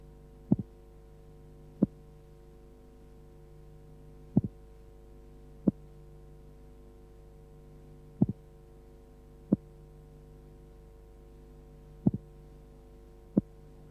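Slowed simulated heartbeat: first sound slightly split, single second sound, as pulmonary closure is inaudible in transposition of the great arteries.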